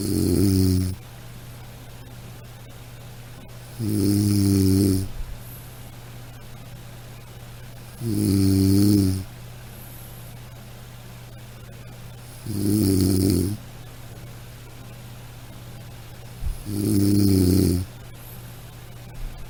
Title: Soothing Snoring Sound - Black Background